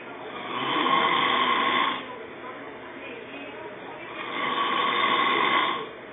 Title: Loud Snore 12